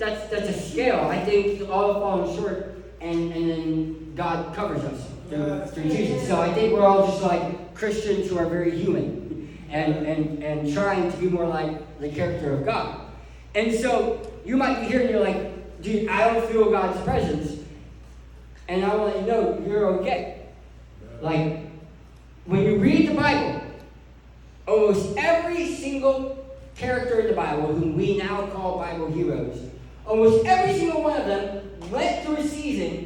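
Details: Adult man who lost 80% of his tongue to cancer, with a permanent articulation impairment after partial glossectomy.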